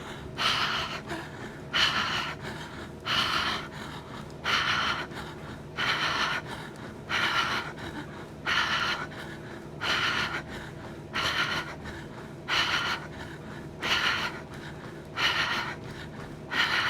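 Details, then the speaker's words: Deliberate, audible rapid forceful mouth breathing at about 45 breaths a minute during a treadmill cardio demonstration with a CO2 capnotrainer; end-tidal CO2 drops below 30. This is hyperventilation causing hypocapnia. "I'm going to be audible with my hyperventilation so that you can hear so that you can mask correlate that hyperventilation with what's happening with the carbon dioxide which is no bueno"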